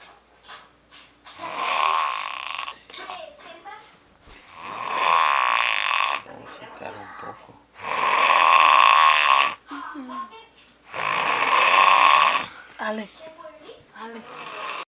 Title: My brother snoring